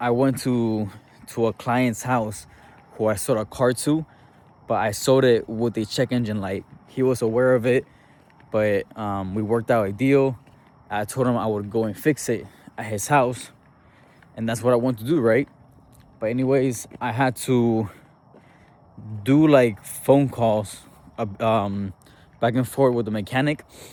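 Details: Adult man who stutters, doing self-directed speaking exposure practice and describing his speech as better than ever; he reports repetitions and blocks.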